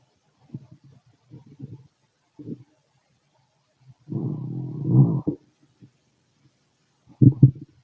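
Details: Male stomach noises during digestion: scattered low gurgles and one longer rumbling gurgle in a quiet room; ordinary bowel sounds (borborygmi).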